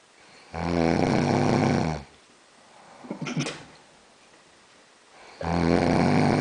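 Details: Loud, buzzing snores on each in-breath with a quieter out-breath between, about 12 breaths a minute, from a man while sleeping: snoring.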